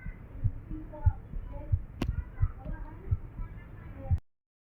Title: Fast Pounding Irregular heartbeat Sound!🫀🥵